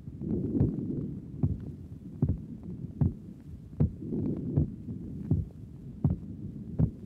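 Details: Normal heart sounds at the pulmonic area in a patient with no valve lesion: regular low thumps at about 76/min. The second sound is normal because lung blood pressure is not elevated.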